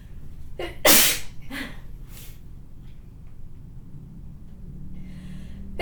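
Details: Sneeze: a female's spray sneeze.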